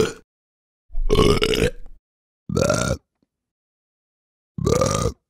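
Four loud, deep, rumbling belches with silent gaps between them, one cut off at the start. Sound-effect recording of burping.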